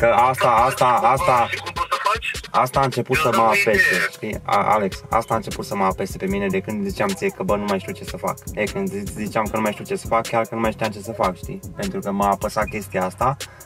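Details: Vocal tics with repeated words in a male with Tourette syndrome, heard while he tries to suppress his tics.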